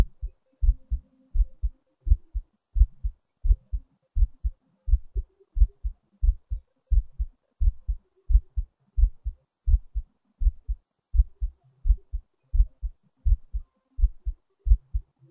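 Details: Heartbeat recording: steady low double thumps at about 86 beats a minute in a regular rhythm; ordinary heartbeat.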